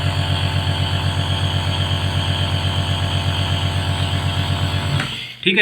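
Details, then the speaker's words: Home Meditive piston-compressor nebulizer, shown for use with a child's face mask, switched on at its on/off button: a steady low buzzing hum as it turns liquid medicine into mist, then it is switched off. "अब क्या करना है इस machine को यहां से on करना है ये ऑन रूफ का बटन है तो यहां से मैं आपको ऑन करके दिखाता हूं"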